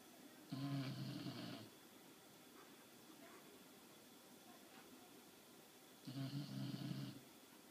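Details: Sleeping dog snoring: two low buzzing snores about five and a half seconds apart, quiet room noise between: snoring.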